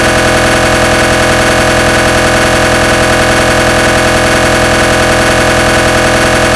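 Loud, steady, rapid mechanical knocking and buzzing of an MRI gradient sequence, about 158 pulses a minute; a recreated, simulated scanner sound.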